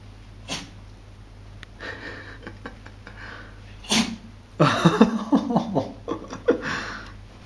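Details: Sneezing in a 2-year-old Dachshund investigating bath bubbles: two sharp nasal sneezes between sniffing and snuffling.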